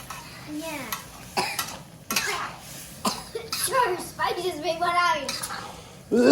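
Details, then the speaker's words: Irritant cough from breathing chili-spice fumes while cooking Pad Ped curry paste in a garage; the cook says they have already burned their lungs breathing. "we've already burned our lungs breathing and now we're just going to burn our mouth eating it"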